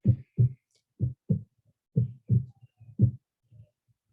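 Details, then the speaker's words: Simulated pulsatile tinnitus, an ear-noise example that coincides with the heartbeat: low, paired thumping pulses about once a second. "Escuchar una cosa no pulsátil que coincide con el latido cardíaco"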